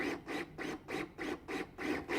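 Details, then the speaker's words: LUCAS portable mechanical chest compression device in demonstration, active continuous mode with LED prompting ventilations eight times a minute: steady rhythmic push-and-release strokes, about 100 a minute; mechanical chest compression device operating. "the active button for continuous compressions this led prompts you for ventilations eight times a minute"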